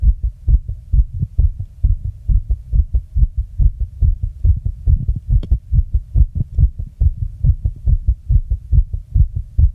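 Steady, strong, deep lub-dub heartbeat at about 140 beats a minute: a fast heart rate (tachycardia).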